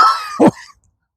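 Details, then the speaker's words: A trailing voice sound, then one short, hoarse cough from an adult out walking outdoors who feels unwell with a cough going around; single cough. "Got this cough and everybody's suffering from it."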